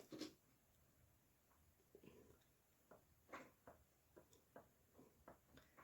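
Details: Soft, sharp clicks repeat every half second or so in a quiet room, consistent with jaw joint clicking, recorded by a person with Tourette syndrome.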